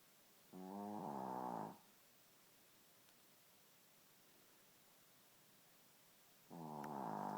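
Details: Two buzzing, rattly snores several seconds apart over a quiet room from a sleeping Shih Tzu; dog snoring.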